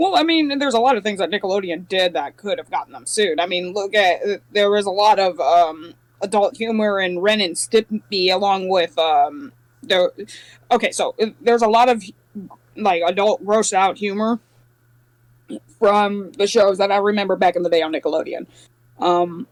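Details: Adult speaker; ordinary speech.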